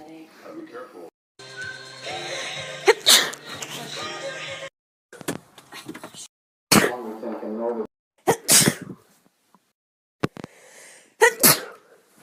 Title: Sneeze Recordings